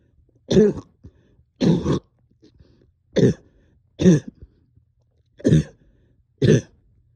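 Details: Coughing all night with stubborn sticky phlegm, heavy chest and headache: six short, loose coughs at irregular intervals, about 25 a minute; a productive, wet cough.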